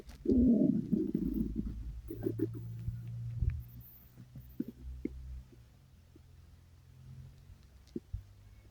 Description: well, my tummy started to growl and growl, and I decided to record it, but... just as I was recording, my mom decided to call me on the phone, so I had to stop recording.